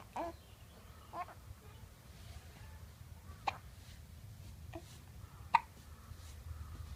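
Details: Five short, sharp, irregular, gasping hiccup clicks over seven seconds in a quiet room.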